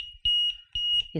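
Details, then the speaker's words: Two sustained high-pitched electronic alarm tones, each about a quarter second, from an LTV 950 portable ventilator during its power-on vent-check alarm test, no patient attached; ventilator alarm, cannot be silenced while testing. "if we want to we can check the alarm now I can't silence it now because I'm testing it I can't silence it"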